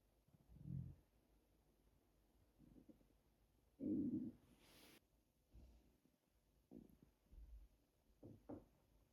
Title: Crazy loud hunger stomach growls